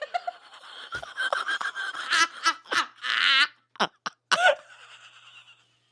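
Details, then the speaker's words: Adult podcast host with Tourette syndrome: sudden burst of cough-like and laugh-like vocal noises interrupting conversation, a vocal tic. "Oh, that was the Tourette's. I don't know what that was."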